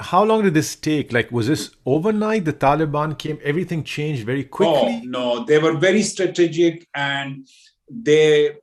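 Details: Adult speakers in conversation; normal conversational speech.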